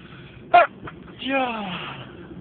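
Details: Sneeze: a sharp, explosive burst followed by a drawn-out voiced sound that falls in pitch.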